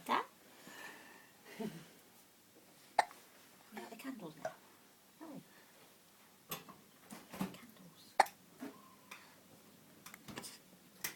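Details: Smiling infant: short, sharp catches of breath recurring irregularly between soft vocal sounds in a quiet room; hiccups.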